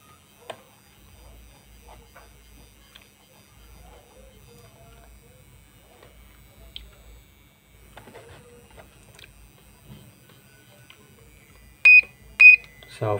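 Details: Quiet room, then two short high electronic beeps near the end from a US Pro 1000 3rd Edition portable therapeutic ultrasound unit (1 MHz) as it is switched on and intensity set.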